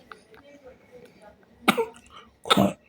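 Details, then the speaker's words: Young girl who has caught a cough: two short, sharp coughs after quiet background murmur. The clip's title calls it sneezing. "लग गई य खांसी लग गई मेरी बेती को"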